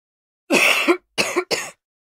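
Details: Cough sound effect recording: three short, harsh acted coughs from an adult woman, the first longest, with quiet gaps between them.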